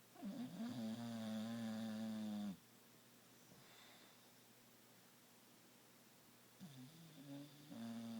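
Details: Long, buzzing, tonal snores from a sleeping bully-breed dog, separated by a quiet pause, in a small quiet room; snoring.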